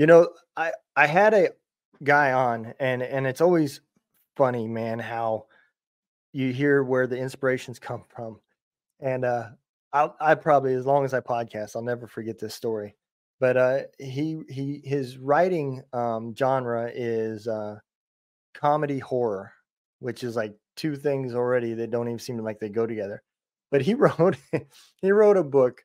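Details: Adult male speaker; normal speech.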